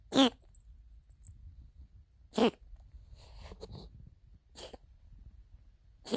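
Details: A dog gives four short, sharp coughs about two seconds apart with quiet snuffling between; dog cough.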